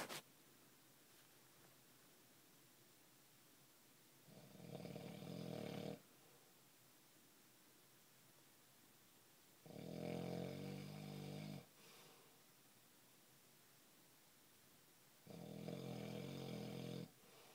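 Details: Three loud, rattling snores separated by quiet pauses, about 11 a minute, in a small quiet room; snoring.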